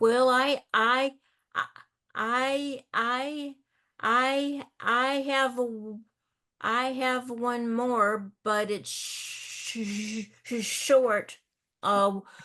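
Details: Adult in a discussion group for older adults who stutter, with repetitions of 'I'; stuttering.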